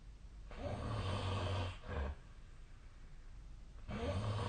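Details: Snoring during sleep, recorded with the SnoreLab snore app: low rough rattling breath noise on inhalation, pausing, then returning.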